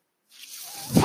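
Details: Mechanical ventilator breath from the speaker's own ventilator, heard during speech: a short silence, then a rising airy hiss that swells at the end as a breath is delivered.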